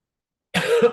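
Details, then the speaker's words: An adult with a hoarse voice gives a brief, harsh two-part cough with a throat-clearing quality after a moment of silence. "मेरी आवाज थोड़ी सी खराब है, आज मैं गला बैठा हुआ है, इस वजह से शायद वॉइस थोड़ी सी स्लो आ रही है।"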